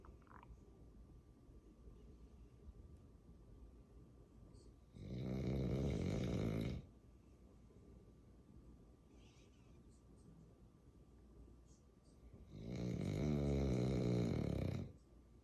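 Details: Snoring bulldog (dog likened to a piglet): two loud, long, vibrating snores about 7.5 seconds apart, quiet between them, heavy snoring.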